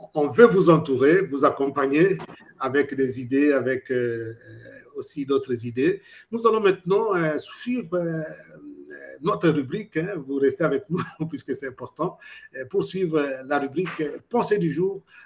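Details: Adult male speaker; Normal speech.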